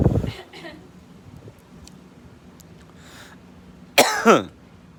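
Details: Voluntary cough in a coughing contest with mother: two deliberate coughs, one at the start and a louder harsh one near the end, in a quiet room.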